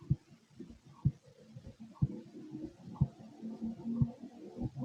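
Regular low heartbeat thumps at about 60 a minute, over a background of rumbling gut noise.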